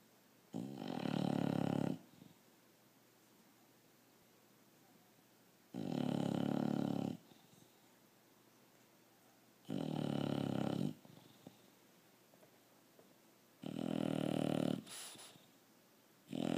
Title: Sophie the bulldog snoring